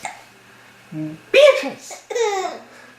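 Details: Baby laughing and babbling while having hiccups, with abrupt catch-like sounds breaking into the laughter.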